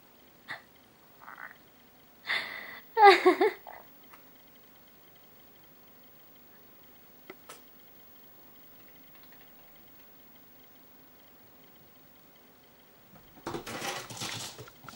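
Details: Young pet rabbit that had the flu when acquired and sneezed constantly: a few small, sharp snorting sneezes, then quiet and later scuffling.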